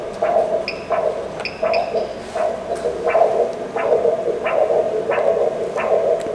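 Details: Carotid artery exam, patient supine, on a US-HCL5P ultrasound in colour and pulsed-wave Doppler mode: rhythmic whooshing pulses about 85 a minute, each a rising swish, over steady machine hiss; normal carotid blood-flow Doppler signal.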